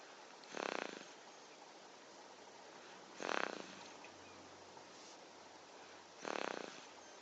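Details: 6-month-old baby boy snoring: three soft, rasping snores on breathing in, about 25 breaths a minute, in a quiet room with faint hum.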